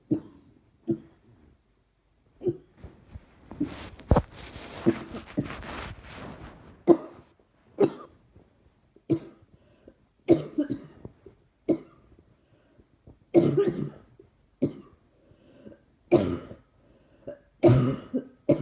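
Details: Repeated coughing, seemingly worse when trying not to cough: about a dozen short cough bursts with pauses between them in a quiet small room; persistent cough.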